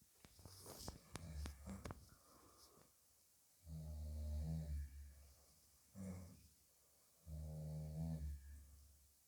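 Low, rumbling snores recur about every few seconds, with quieter breathing between them; ordinary snoring in a sleeping dog.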